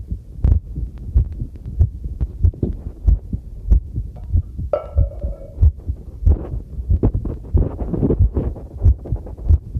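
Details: Own normal heartbeat recorded with a homemade field stethoscope microphone while doing housework: steady thumping about 94 a minute, with running tap water and clinking dishes behind.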